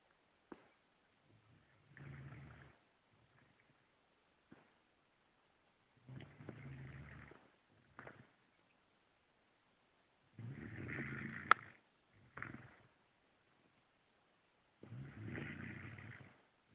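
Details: Snoring French Bulldog asleep: loud, rattling, rumbling snores in irregular bursts with snorts between them, noisy flat-faced dog sleep breathing.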